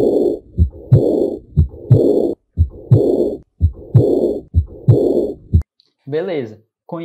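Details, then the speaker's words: Heartbeat about 60 per minute with a soft blowing, aspirative decrescendo diastolic murmur after the second sound, best heard at the base (aortic or accessory aortic focus); aortic regurgitation, teaching example. "então eu tenho sopro diastólico melhor audí em Foco da base pode ser foco aórtico ou foco aórtico acessório ele tem um caráter assim aspirativo então ele é decrescendo de estó quem sou eu a insuficiência a ótica"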